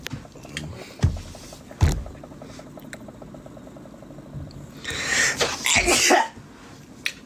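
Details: Person sneezing: a quiet room, then one loud, explosive burst of air with a rushing hiss.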